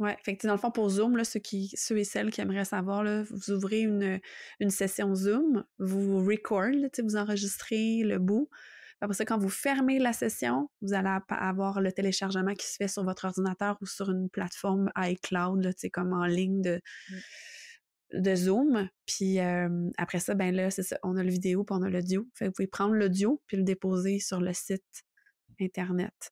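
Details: Adult woman speaking French; typical speech.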